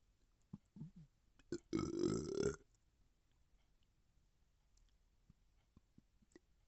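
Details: A long, loud belch follows a few short gulping sounds, then quiet with faint clicks, from a person feeling bloated: belching.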